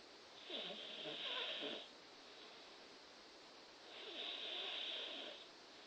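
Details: A person sleeping snores with two long, rough, rattling breaths about four seconds apart against steady room hiss.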